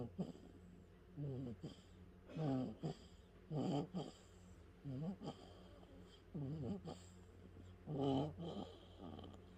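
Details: One-month-old baby boy snoring: short, soft, snuffly snores with each breath over a low background hum; infant snoring.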